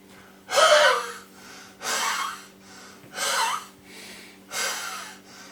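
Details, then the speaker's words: Wheezing breath in an adult after recovering from COVID-19, breathing about 80% improved: four loud forced breaths with a rough whistling edge, about 45 a minute. "got a weasel in my brace i've got this weasel on my breath it's improved so much"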